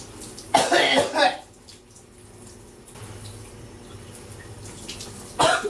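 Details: Loud run of harsh coughs, pause, another cough, while showering with running water behind; coughing fit from a persistent throat bug.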